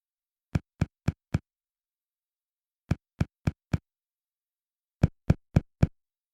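Three sets of four crisp, hollow finger taps on the chest, stepping across the front of the left chest toward the breastbone in a quiet room. This is percussion to outline the heart. The note changes from resonant over lung to dull at the cardiac border, which marks the heart's edge.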